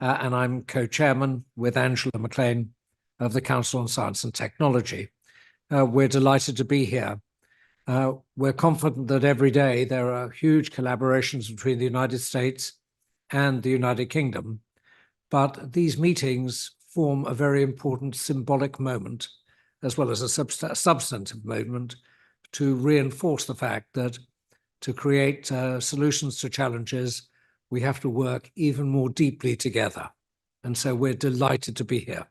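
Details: Adult man speaking; ordinary speech.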